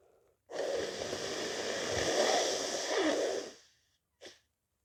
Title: stuffy/congested cold sneezes